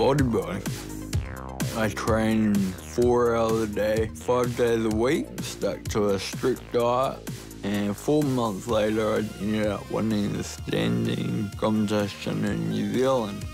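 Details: Ataxic dysarthria in a 29-year-old man with Friedreich's ataxia, a rare genetic degenerative disease. Clumsiness and unsteadiness began in his teens and he was diagnosed at 18. His speech has become slurred and worse over time, and he now uses a wheelchair.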